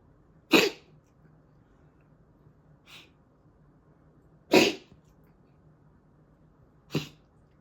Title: Butter sneezing?